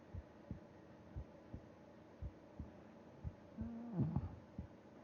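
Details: Heartbeat heard with ear against chest during sleep: soft, regular low thumps in paired beats, about 70 a minute, with a brief hum; normal heart sounds.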